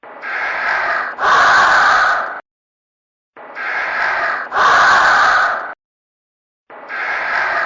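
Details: Acted, looped snoring of a sleeping character: loud, repeating in-and-out sleep breaths with a hiss, about 18 a minute, separated by silent gaps.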